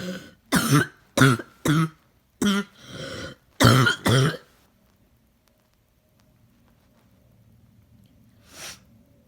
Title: Barking cough